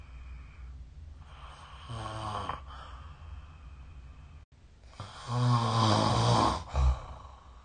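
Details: Two rough, fluttering breaths in a quiet room, the second louder and ending in a snort; snoring during sleep, recorded with the SnoreLab phone app.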